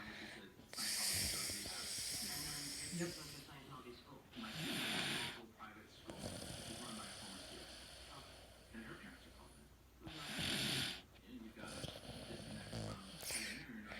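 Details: Snoring in a male (boy), recorded 1/2017: loud, harsh snores with hissy breath noise, about four in fourteen seconds, quieter breathing between; heavy snoring.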